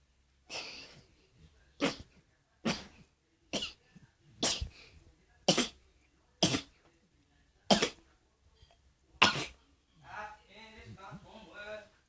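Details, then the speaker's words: Sneezing deliberately induced by dipping an object and putting it deep into one nostril: a run of nine forceful sneezes about a second apart, then a brief murmur of voice. "A way to get yourself to sneeze. First, you take this, and then you get this."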